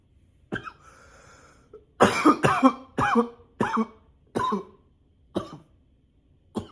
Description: this cough is nonstop...